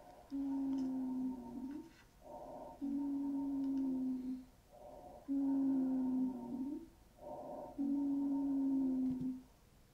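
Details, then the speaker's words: Long, high-pitched musical whistling on each breath out, about 24 breaths a minute, heard on lung auscultation: an expiratory wheeze from lower-airway narrowing, as in anaphylaxis. "A wheeze is a high-pitched whistling sound heard mainly during expiration and is caused by narrowing of the lower airways."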